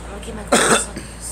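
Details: Single short, harsh cough burst from a girl against faint room noise; cough.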